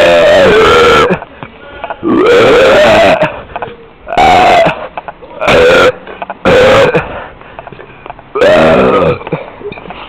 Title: My Burps In The Street 2 / Mis Eructos En La Calle 2